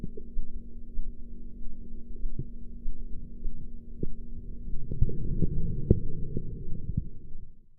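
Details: Blood pressure practice recording with sphygmomanometer: soft low thumps through steady hum, growing stronger toward the end; Korotkoff sounds.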